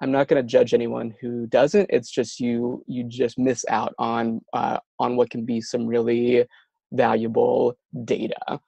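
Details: Adult who stutters, with words and syllables getting stuck and not produced at the right time; stuttering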